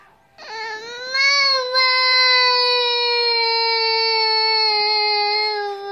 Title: Bebe llorando por ver bold eagle